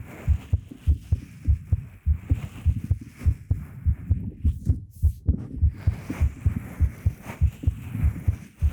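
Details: Normal heartbeat.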